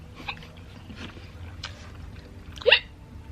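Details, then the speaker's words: Cammy's hiccups while eating something sticky. Several faint, abrupt catching sounds, then one sharper, louder hic. She says she gets hiccups easily, with burning stomach pain like heartburn low in the stomach. "i get hiccups so easily it's just a stomach pain and they're burning in your stomach that's the bad part"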